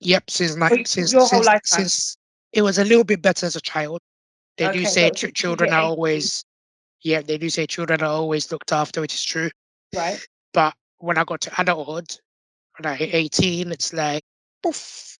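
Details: Tracheostomy voice in an adult man born six months premature with undeveloped airways. He had emergency surgery at birth, spent two years in an incubator and has lived with a tracheostomy; prematurity heavily impacted his vocal cords.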